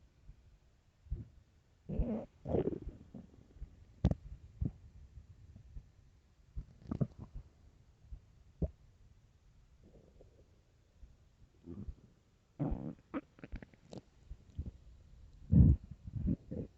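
Low rumbles, gurgles and squelching pops in irregular bursts; normal stomach growling on an empty stomach.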